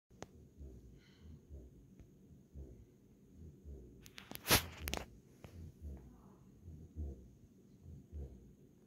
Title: Tired Little American Akita Puppy Snoring Like A Person - Turn UP Your Volume To Hear It, Super Cute